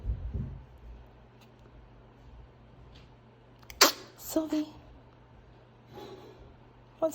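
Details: Silver, a ferret, coughing for a few days and worse today despite ferret lax; it started after he was picked up from a nightmare. He was later diagnosed with a severe respiratory infection and a rare autoimmune disorder. A few short, sharp dry hacking bursts: hacking cough.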